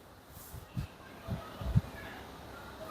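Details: Acted: a speech therapist imitates a client's former stuttering block on his own name, attributed to held-back airflow from poor breathing coordination; Bengali; stuttering block (imitated).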